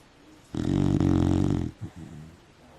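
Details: Beagle asleep after nosing the covers around: one loud, deep, fluttering snore lasting about a second, then a short snort and quiet breathing; dog snoring in sleep.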